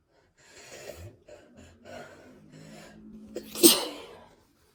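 Several quick, gasping in-breaths build up, then one loud, explosive sneeze.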